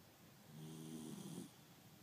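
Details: Loud snoring from a dog sleeping with its eyes open: one drawn-out, buzzing snore lasting about a second, with a faint hiss.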